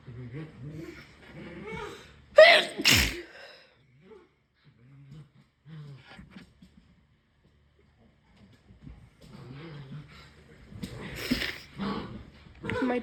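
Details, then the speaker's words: Congested, sick person inducing sneezes to clear blocked sinuses: a loud double sneeze amid talking and sniffing, dogs barking faintly in the background. "I'm trying my clock nostril sneeze."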